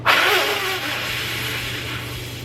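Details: Forced expiratory blow by an adult man with cystic fibrosis at week 3 of Trikafta: sudden hard blast then long, steady, forceful rushing exhalation without coughing, spirometry-style.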